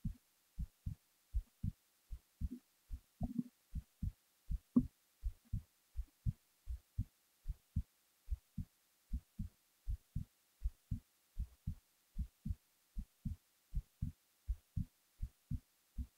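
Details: Soft, steady low thumps at about 79 beats a minute with a few faint rustles, recorded while falling asleep; a normal resting heartbeat.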